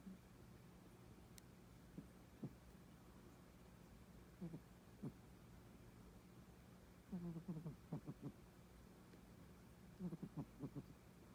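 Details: A female cat starts to snore while asleep: soft, irregular snorting noises over a low steady room hum; snoring.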